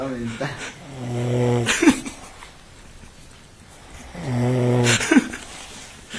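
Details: Drunk man asleep at a party: loud, rattling, buzzy breaths about every three seconds (roughly 20/min), each ending in a short snort. Heavy snoring.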